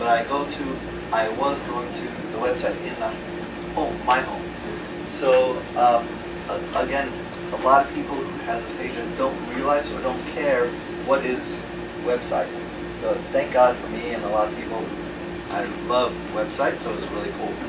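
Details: Male retired pediatrician with aphasia after a left-hemisphere stroke from a torn carotid artery in 2014; right-side paralysis recovered; his words are slowly returning with speech therapy; aphasia.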